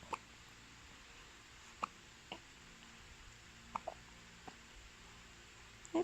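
Quiet room with several brief, sharp catching sounds at irregular intervals, about six in six seconds, fitting hiccups.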